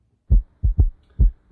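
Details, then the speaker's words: Simulated normal heart sounds in a virtual-reality cardiac assessment at the pulmonic area, left second intercostal space: low, clean thumps with no murmur between them. "going on to the left second intercostal space is the pulmonic valve and once again self-explanatory is it's listening to the pulmonic valve of the right side of the heart"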